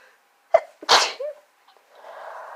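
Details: Person with a cold whose nose and throat hurt and whose nose is getting chapped: a quick inhaled catch, then one forceful sneeze and a short voiced sound, with faint rustling; a sneezing fit with nose blowing.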